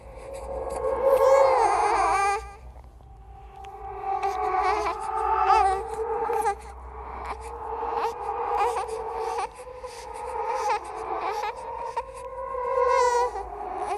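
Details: Horror sound-effect track made from recorded and edited creepy sounds: an infant cry with rising and falling wails over faint background music.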